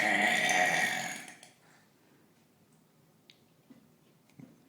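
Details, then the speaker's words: A single long, loud, rumbling burp lasting over a second, in a family burping contest, followed by a quiet room. "We here in the Cron household believe that there should be a new Olympic sport in this Olympic year. It should be championship burping."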